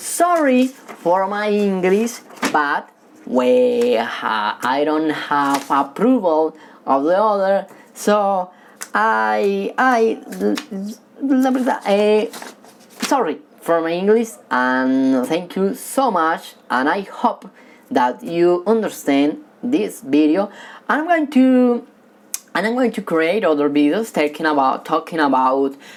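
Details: Male who has stuttered since childhood, stutters when talking with people but reads fluently alone; stuttering.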